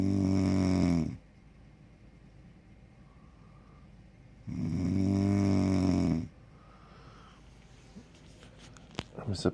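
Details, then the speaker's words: Adult woman snoring loudly in sleep: two loud, low, rattling snores about four seconds apart, each lasting over a second, quiet breathing between. "supposed to go to sleep myself, but she sounds like a chainsaw, and I don't know if I'm gonna be able to get to sleep tonight."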